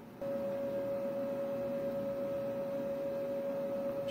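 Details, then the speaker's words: Monopolar electrosurgical unit (Bovie) handpiece in coagulation mode, neutral electrode pad attached, demonstrated on wet gauze: a steady single-pitch electronic tone over faint room noise. Coagulation mode does almost no cutting. "잘 안 보이는데 되고 있습니다 지금 코로나길레이션이기 때문에 거의 뭐 잘라지는 기능은 없어요 그죠"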